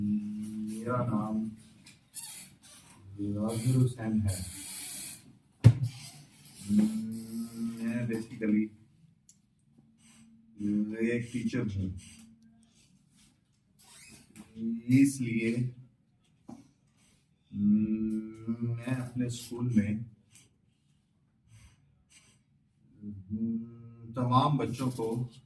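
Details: Adult male school teacher attending a stammering course, speaking with the course's fluency-shaping technique; stuttering managed with fluency-shaping technique.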